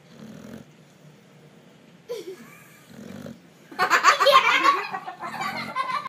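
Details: A sleeping female gives short snorting, rattling breaths, then a louder stretch of rough, wheezy snoring; snoring.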